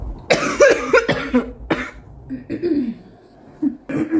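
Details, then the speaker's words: Real cough from a girl, possibly after climbing stairs: a burst of several harsh coughs in quick succession, then quieter throat noises and two more coughs. "do you hear that i know you find my cough cute so"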